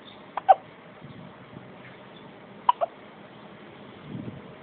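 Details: Male's hiccups: four short, sharp, quiet gulping catches at irregular intervals over a few seconds.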